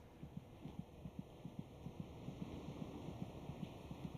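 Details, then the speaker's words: Rapid, regular soft thumping at about 150 beats a minute, about twice the mother's rate. Normal fetal heartbeat. "By week 26, it may just be possible to hear the fetal heartbeat by putting your ear against the mother's abdomen."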